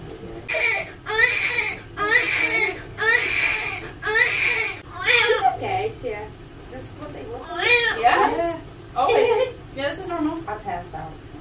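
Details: Strong, rhythmic newborn cries, about one a second at first, then softer fussing with adult voices nearby; vigorous first cry of a baby girl just delivered after a 38-week pregnancy.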